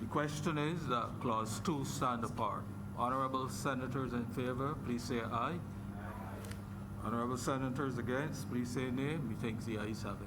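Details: Adult male speaker; normal voice.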